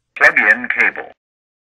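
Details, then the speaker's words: Zoll AED Plus during setup: after new batteries are installed and the button inside the battery compartment is pushed, a clear synthesized voice prompt says to plug in the electrode pad cable. "when you push the button inside the battery compartment the aed will react immediately telling you to plug in the electrode pad cable"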